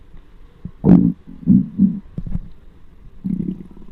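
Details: Adult with an extremely hungry, empty stomach, microphone on the abdomen: low gurgling and rumbling bursts; hunger-related bowel sounds (borborygmi).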